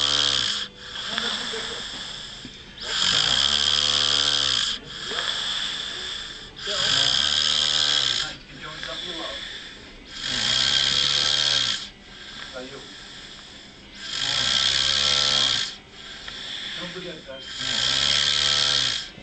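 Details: Man passed out asleep on a couch: heavy snoring with loud, rough, rattling snores about 17 per minute and quieter breaths between.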